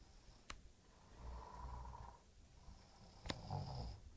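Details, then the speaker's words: Elderly man (grandfather) snoring in sleep: two low, rough breaths with a soft flutter and a couple of sharp clicks between; snoring. "Сейчас вы услышите как дед умеет храпеть Вот так мы спим каждый день"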